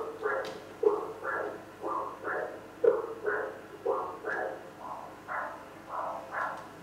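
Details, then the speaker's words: Sounds made by an echocardiograph: rhythmic whooshing pulses with sharp clicks, about 30 per minute. Doppler echocardiography flow sounds that indicate the direction and force of blood flow across a heart valve. "okay so the technicians who do this technique use those sounds in order to interpret the images those sounds are created well they tell you the direction of the blood flow and the force of a blood flow as it goes across a valve"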